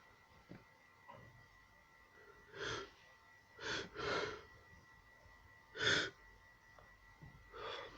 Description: sneezing like crazy non stop!